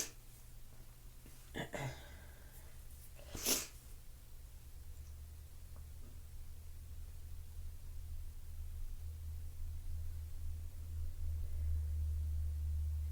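Two sharp sneezes in the first few seconds, then a long quiet stretch with steady low room hum.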